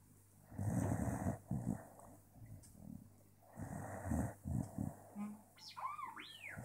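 Rough, rattling snorts and snores on breaths, uneven in rhythm, with a brief squeaky sound at the end: snoring.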